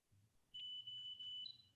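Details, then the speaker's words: Home eye-pressure (IOP) reading with an iCare HOME rebound tonometer held to the eye: faint high-pitched electronic beeps, each recording one measurement, six needed to complete. "perfect each of the little little beeps you can hear is it recording the measurement so once you've got five measurements and i'll just hold it there once you have the six measurements it'll tell you it's completed"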